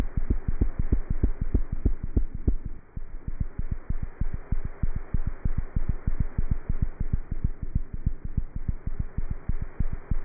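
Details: Cat's heart heard through a stethoscope: fast, very regular beat near 190 a minute with a steady hum behind; normal cat heart sounds.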